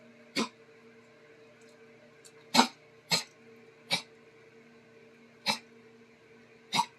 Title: Sparky coughing